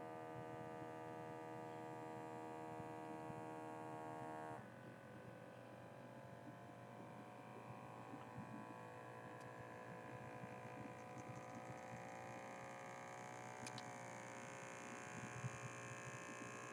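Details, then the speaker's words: Automatic blood pressure cuff inflating with a steady electric motor hum of slowly shifting pitch, as an adult man takes his blood pressure; the reading after is flagged high. "so I'm going to take my my blood pressure"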